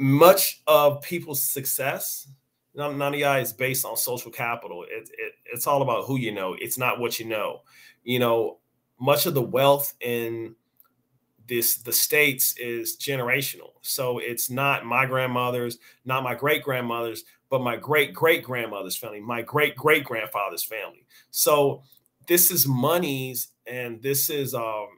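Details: Adult man who has stuttered since age five or six, which he says becomes noticeable over extended conversation and more pronounced after drinks; stuttering.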